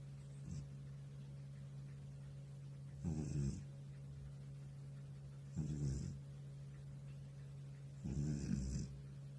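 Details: Old male cat in deep sleep snoring: low rattling snores on each breath, about every two and a half seconds, over a steady hum.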